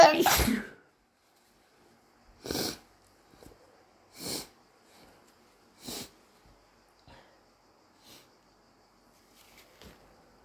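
One loud wet sneeze, then a run of four to five softer sneezes with sniffs between them in a quiet room. A repeated sneezing fit, possibly allergic.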